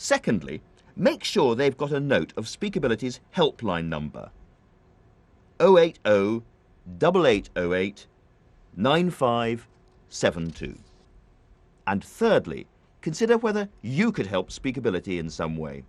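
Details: Adult male speaker; normal speech.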